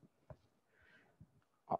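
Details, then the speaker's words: Normal motor unit potentials on needle EMG with a concentric needle in the deltoid during slight voluntary contraction: sparse, crisp pops, with two or three potentials from one needle position; no spontaneous activity. "please tension a little a little a little less you can see uh several motoring potentials from that point usually from one position of needle we can get two three"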